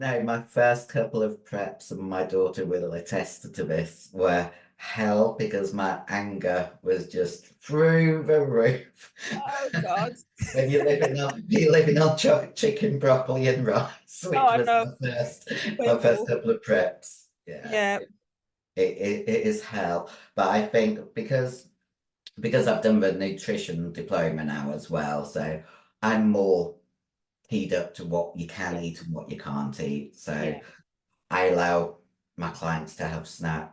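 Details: 56-year-old female bodybuilder with voice deepening after large-dose anabolic/male steroid use; she reports the voice changed from high-pitched to very deep and she can no longer sing; virilized voice.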